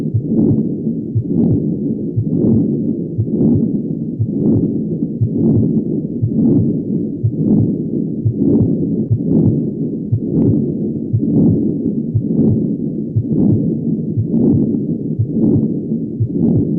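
A harsh, rumbling murmur runs without a break through every beat at about 59 a minute, louder with each beat: the continuous murmur of patent ductus arteriosus.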